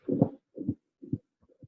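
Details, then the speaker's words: Child with coronary artery fistula, recorded at the apex with an iPhone: rapid heartbeat about 125/min with an intense continuous murmur through systole and diastole, not left infraclavicular. "on entend un flux qui a l'air d'être systolique ou continue ses bas donc temps un souffle continu tanguy ce souffle continu n'est pas sous clavier gauche"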